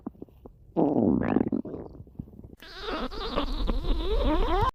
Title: stomach growling